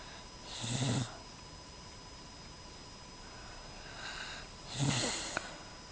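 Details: Woman caught asleep snoring: two rough, rattling breaths about four seconds apart, each with a low fluttering rumble and a hiss; snoring.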